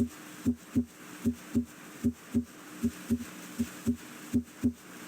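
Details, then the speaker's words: Regular paired heart sounds at about 72 beats a minute, first sound emphasized: normal S1 (mainly mitral valve closure) and S2, with diastole longer than systole. "closure of the heart valves creates a pair of audible heart sounds the first sound S1 arises from closure of the mitro valve"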